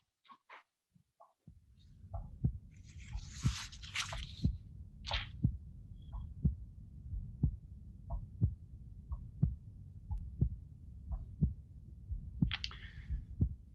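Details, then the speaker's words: Patient with mitral stenosis, heard over the pulmonary area, regular heartbeat near 61 a minute. A sharp, loud, metallic second sound reflects increased pulmonary pressure. Loud pulmonic second heart sound. "if you have mitral stenosis finding in this excavation on the pulmonary area we can easily say that there is a pulmonic increase increase or pulmonary pressure"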